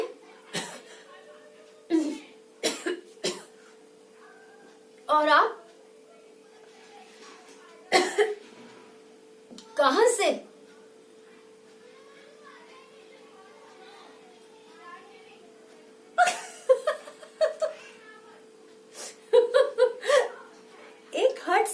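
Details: Acted coughing by a child actress in a cough-syrup advertisement: a string of separate coughs over a steady background hum.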